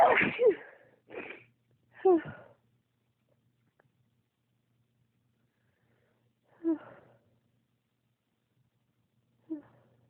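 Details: Intense sneezing spell triggered by cold toes when weather changes and warm socks aren't worn after getting out of bed, a trait from the sneezer's dad: about five sneezes, three close together, two spaced out.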